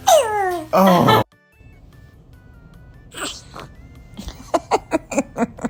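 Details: An infant gives a single high-pitched sneeze, a short voiced intake then a sharp burst, followed by soft laughter: baby sneeze.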